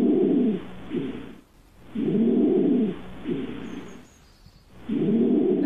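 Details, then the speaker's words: Harsh, low-pitched noisy breaths at about 25 a minute, loudest on the longer in-breath: inspiratory stridor, described as a sign of airway narrowing that may herald asthma, especially at night or toward morning. "Bu da daha çok böyle hava yolu darlığına bize habercisi olabilir. Özellikle bu sabaha karşı ya da gece oluyorsa astımın habercisi olabilir."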